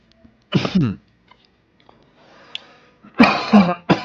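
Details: An adult man on a late-night live smoking stream, who mentions his asthma, gives a harsh double cough, pauses with a faint breath, then coughs twice more.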